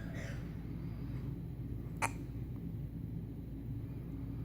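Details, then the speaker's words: Hiccups: a single sharp hiccup over steady low room noise, during a bout of many hiccups. "You sure is having so much hiccups."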